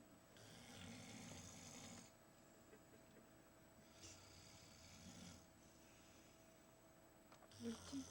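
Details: Snoring labelled "Big Bear in a cave": soft, rough snores on breathing in, about two in eight seconds, with faint room hum and a brief noise at the end; snoring.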